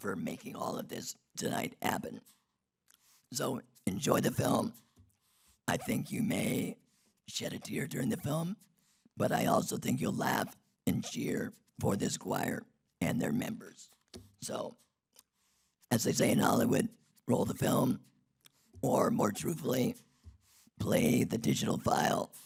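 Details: Adult man who had a laryngectomy in 2016 due to long-term radiation damage from tonsil cancer treatment 19 years earlier; alaryngeal speech after laryngectomy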